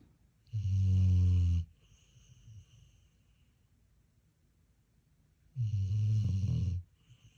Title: Browser snoring